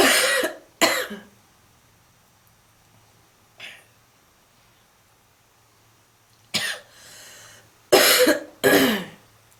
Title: Lying Down Smoking with Heavy Coughing and Wheezing